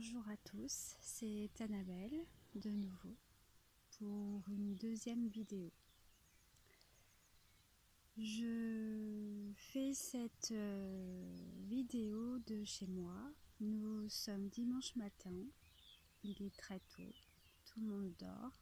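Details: Adult French-speaking woman whose stutter kept her from really living her life until two or three years ago; she now applies a fluency technique with a speech therapist; stuttering.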